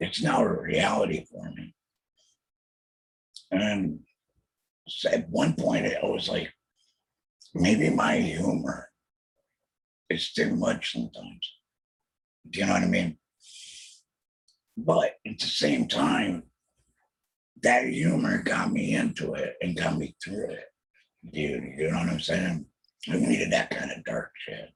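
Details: Alaryngeal speech from a real laryngectomee after a total laryngectomy in 2020 for throat cancer, followed by chemotherapy and radiation.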